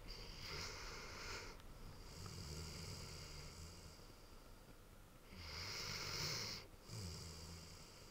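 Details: Large Ridgeback dog sleeping and snoring: soft, hissing breaths with low fluttering snores on some of them, irregular and fairly quiet.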